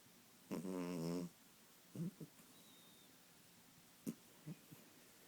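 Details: Kitten snoring while asleep: low, rattling, buzzing snore followed by a few softer snorts.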